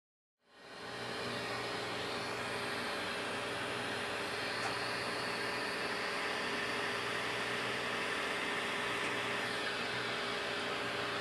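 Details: Aesculight surgical CO2 laser with its smoke evacuator running while a veterinarian vaporizes and excises skin lumps and bumps on animals: steady loud whooshing hiss throughout, a normal operating sound.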